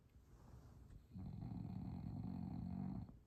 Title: Snore MACHINE or Bulldog????